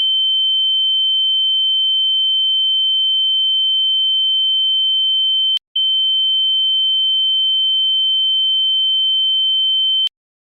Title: tinnitus Sound Effect